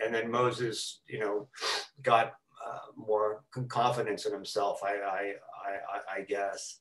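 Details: Lifelong stuttering in an adult man who has stuttered since about age four, with repetitions, fillers and blocks throughout his talk.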